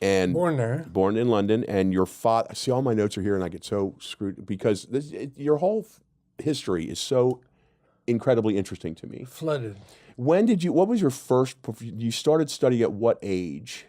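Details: Adult man speaking; Normal speech.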